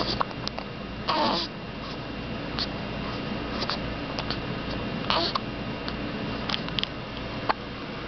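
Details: Three-week-old baby hiccuping: short, abrupt hiccups about one per second, with soft babbling against steady room hum.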